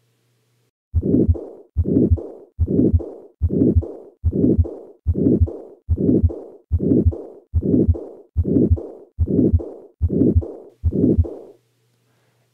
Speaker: so what pathology is causing this this is combined aortic stenosis and aortic regurgitation once more at the upper sternal border where the aortic stenosis murmur